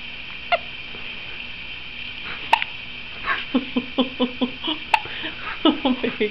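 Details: Female dog with hiccups: short, squeaky, high-pitched clicks like a squeaky toy, in quick runs with a few isolated ones, over a quiet room.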